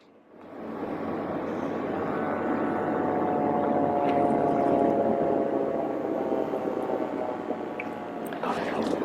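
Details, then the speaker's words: Wrist blood pressure monitor in a hospital room, used as self-measurement with the arm resting on a table at heart level and kept still: a steady rising motor hum as the cuff inflates and squeezes the wrist, then releases after the reading. "ให้กดปุ่มเปิดเครื่องที่ด้านข้างของอุปกรณ์และเมื่อเครื่องเริ่มทำงานแล้วจะมีแรงบีบที่ข้อมือรอจนกระทั่งเครื่องวัดความดันวัดค่าได้แล้วแรงบีบจะคลายตัวลง"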